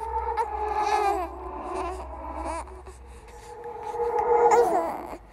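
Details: Horror sound-effect track of a ghost baby crying: wavering, drawn-out wails with a small-room echo; infant cry.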